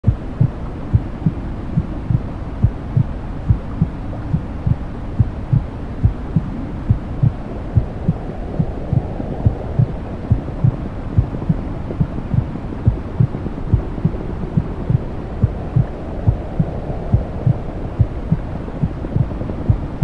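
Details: Simulated womb soundscape for sleep: steady soft low thumps of a mother's heartbeat over a deep, muffled whooshing rumble, mimicking sounds heard inside the womb.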